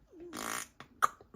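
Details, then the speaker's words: Vocal tic in an adult who attributes tics to autism and says he does not have Tourette's: a brief, abrupt hissing, raspberry-like noise bursting out mid-speech. "Sorry, that's me ticking. Not everyone hears that, but if you do hear it, it's me."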